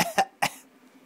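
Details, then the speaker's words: An infant girl, asked to fake cough once more, gives three quick, light cough bursts; deliberate voluntary fake cough. "You gonna fake cough one more time? Alright, fake cough one more time."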